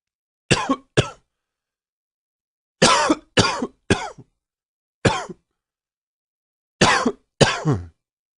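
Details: Eight sharp, harsh coughs in short clusters of one to three, with silent gaps between; repeated coughing.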